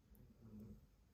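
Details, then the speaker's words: Female pet snoring while asleep and dreaming, apparently of chasing a squirrel. "I can't get over the snoring that she's doing."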